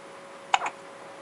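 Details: A child gets the hiccups: a single short, sharp hiccup with a sudden click-like catch and a brief voiced tail.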